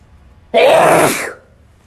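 A single loud, explosive sneeze with a brief voiced start; an ordinary sneeze.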